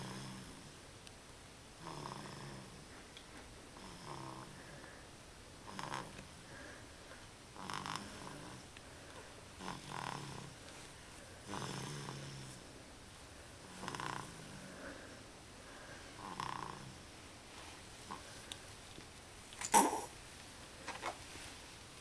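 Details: Three-month-old boy with a cold, asleep in a bouncy seat: soft, rhythmic snores, about 27 breaths a minute, with a congested, rattly quality. Infant snoring.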